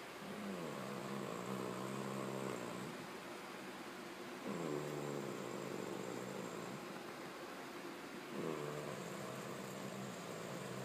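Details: Dog snoring under covers: three long buzzing, rattling breaths about four seconds apart, roughly 15 a minute, muffled by bedding.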